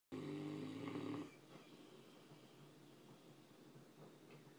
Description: Giant mastiff dog sleeping and snoring louder than anyone I know!!